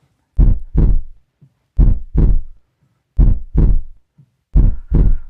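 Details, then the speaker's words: Normal heart sounds: four slow, regular lub-dub pairs of low thumps. S1 (lub) at the start of ventricular contraction and S2 (dub) as the valves close at its end. "تو وینٹریکلز کی contraction کے شروع میں لب اور and پر ڈب، لب ڈب، لب ڈب. اور یہ آواز کچھ یوں ہوتی ہے."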